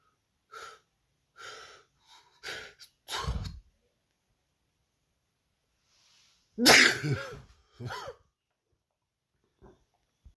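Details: Compilation of sneezes, apparently from a bearded man, recorded over two weeks: several short sneezes, then one loud explosive sneeze followed by a smaller one; sneezing.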